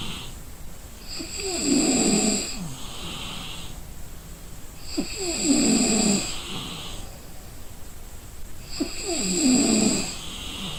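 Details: Exhausted person snoring in sleep: loud, rattling snores on each in-breath, about 16 breaths a minute, with whistling air on the out-breaths.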